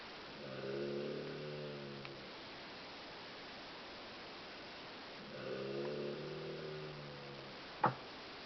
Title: Snoring like a Breathing